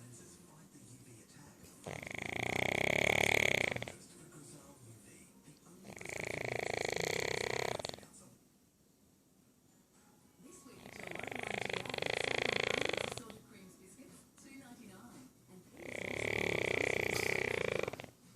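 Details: 9-month-old Aussie Bulldog napping after a big walk, with slow, loud rattling snores about every four to five seconds, roughly thirteen breaths a minute, and quiet gaps between; snoring.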